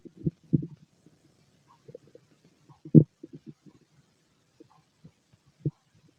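Scattered low gurgles and pops with short quiet gaps: bowel sounds from an empty stomach, a normal finding.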